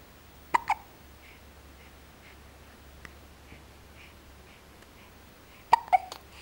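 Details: Baby girl with brief, sharp hiccup sounds in pairs and quiet stretches between, in a quiet room; infant hiccups.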